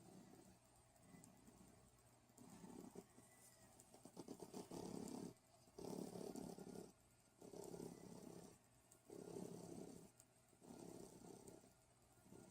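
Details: Soft, rhythmic rasping breaths repeating every couple of seconds under steady room noise; quiet snoring.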